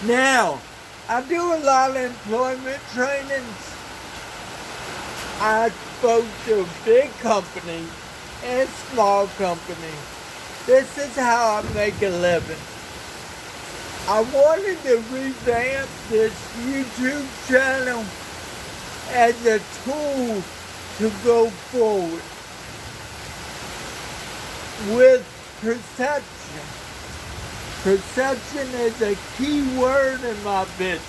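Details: Dysarthria in an adult man who has lived 49 years with cerebral palsy and describes a speech impairment; he reports that some words take extra effort and that the following words come with struggle.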